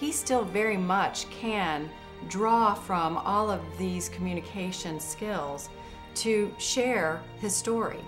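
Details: Adult female narrator over background music; normal speech.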